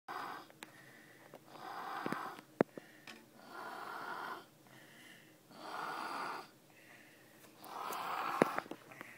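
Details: Sick infant's breathing, described as snoring: noisy, whistling breaths about every two seconds, roughly 30 a minute; wheezy, congested breathing.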